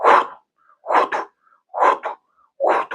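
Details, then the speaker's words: Vocal imitation of aortic stenosis murmur, best heard at second right intercostal space (aortic focus), radiating to neck: loud early systolic whoosh followed by deliberately exaggerated, clearly heard second heart sound. "Y la estenosis aórtica suena principalmente al principio del primer tiempo, que sonaría como..."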